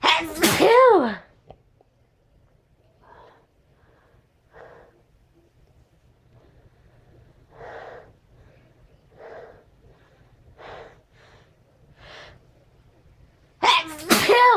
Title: tickley sneezes